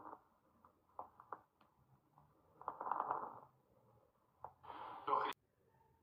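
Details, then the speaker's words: Soft breath noise with scattered brief explosive crackling clicks like small bursting bubbles, at the fine-crackle auscultation point: fine crackles, described as from lung that is too stuck together. "de las características de lo que es el de la auscultación de burbuja fina es que es como un conjunto de sonidos explosivo como pequeñas burbujas que están explosionando"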